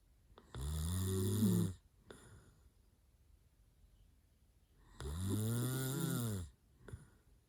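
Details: Sleeping adult boyfriend who fell asleep mid-conversation, also smiling and talking in sleep: two long, loud, buzzing inhaled snores about four seconds apart with quiet between.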